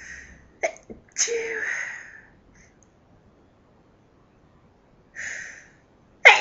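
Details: Person sneezing repeatedly from house dust: two loud, sharp sneezes with a sudden hissing burst after a short in-breath, then a further sneeze beginning.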